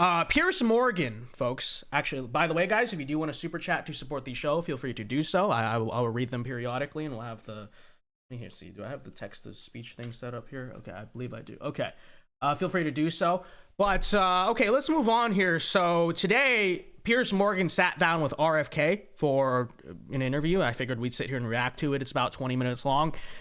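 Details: Adult male speaker; normal speech.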